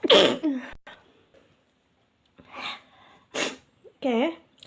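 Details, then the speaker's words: Sneezing triggered by a self-administered nasal swab for a Covid-19 test: a loud sneeze, then a few softer breathy catches and short vocal sounds. "Udah, selalu saya kalau habis di swab itu langsung bersin-bersin dan mengeluarkan air."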